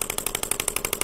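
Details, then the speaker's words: Rapid regular clicking pulses, about ten per second, as a shockwave therapy applicator with ultrasound gel works over the tendon attachment points of the elbow during treatment for tennis elbow (lateral epicondylitis). The patient finds it a bit tender. "so this is really you know delivering that ultrasound wave into the tissue allowing things to break up and then repair mechanism to get reactivated and jump started"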